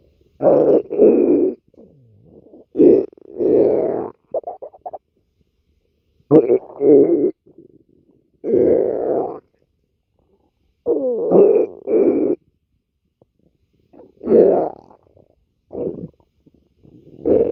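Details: Adult stomach growling: repeated gurgling, rumbling bursts, ordinary bowel sounds as gas and fluid move through the gut (borborygmi).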